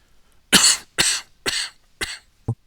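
A run of four sharp, harsh coughs followed by a brief throat sound, in a quiet room.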